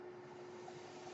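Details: Podcast host's own home breathing ventilator running in the background while he speaks: steady mechanical hiss with a low constant hum.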